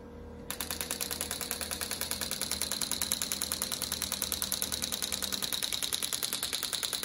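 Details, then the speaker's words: Radial shockwave therapy device applied to the elbow with ultrasonic gel to break up scar tissue: rapid, regular sharp clicking pulses, about 200 a minute, during treatment. "it's going to be a rapid firing acoustic device that's going to break up all that scar tissue in the elbow"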